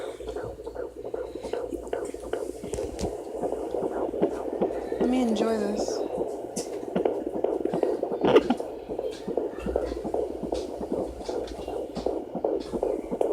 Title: Fetal doppler 15 weeks 4 days